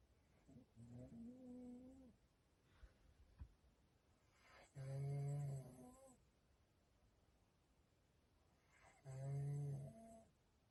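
Slow, low, rumbling voiced snores with quiet pauses between them, about 14 a minute in a small quiet room.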